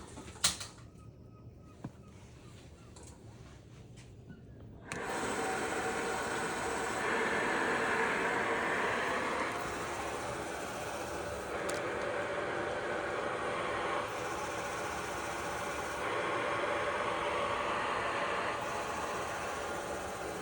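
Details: Cough assist (mechanical insufflation-exsufflation) set up on a ventilated patient, simulation dummy: a few clicks, then steady rushing airflow rising and falling as the machine runs.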